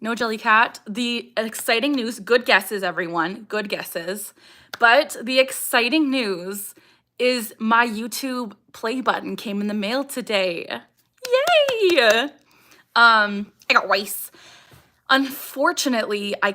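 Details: Young woman with Tourette syndrome, vocal tics saying "I got rice" (acquired a few years ago), barking and "ha"; also eye blinking and facial grimacing; tics increase with anxiety, excitement and during livestream Q&As; vocal tic.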